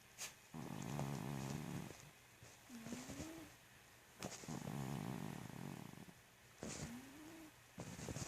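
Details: Snoring: two cycles of rumbling, fluttering snores, each followed by a soft whistling noise on breathing out, with quiet pauses between.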